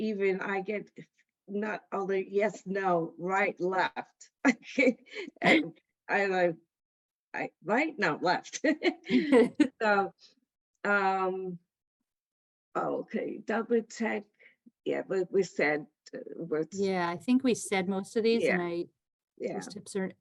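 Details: Aphasia in an adult female stroke survivor attending an aphasia center.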